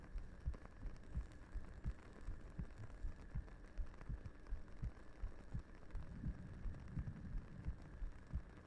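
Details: Simulated heartbeat in a 3Dio binaural ASMR roleplay, the character resting her head on the listener's lap: soft low thumps at about 85 a minute under steady hiss and room noise.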